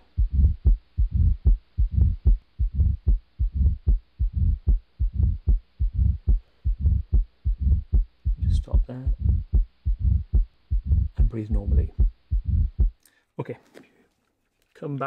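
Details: Simulated stethoscope sound with the patient rolled onto the left side, breath held in expiration: regular heartbeat about 75 a minute with a low mid-diastolic rumble, mitral stenosis.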